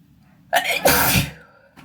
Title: snotty handkerchief sneezes